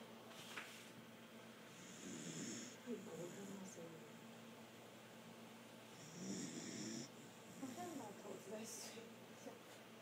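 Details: Snoring during sleep: noisy, rattling breaths through the nose and throat, a few seconds apart, in a quiet room.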